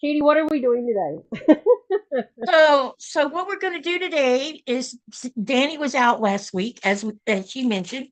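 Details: Adult woman speaking; normal speech.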